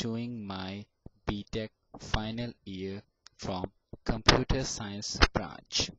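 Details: Adult male final-year computer science student who has stammered since age 5 and still stammers; stuttering.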